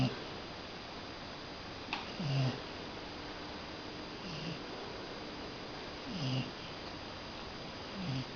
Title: Cocker Spaniel Snoring